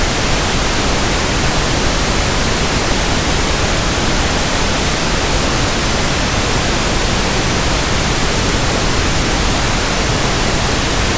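Steady, soft, even static hiss with no changes, a simulated tinnitus sound for matching against ringing or buzzing ears.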